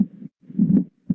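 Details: Mitral stenosis: loud, accentuated first heart sound with a low rumbling diastolic murmur filling diastole; opening snap and presystolic reinforcement described.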